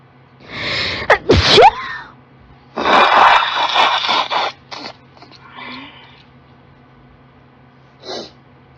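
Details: Girl with allergies in a sneezing fit triggered after turning on a desktop computer: several forceful, mostly uncovered sneezes in quick succession with gasping breaths between them, then softer trailing sneezes.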